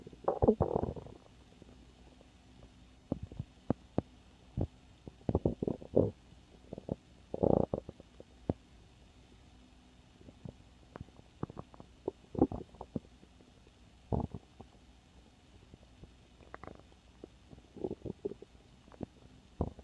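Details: Stomach growling: scattered gurgles and short rumbling squeaks over a quiet hiss.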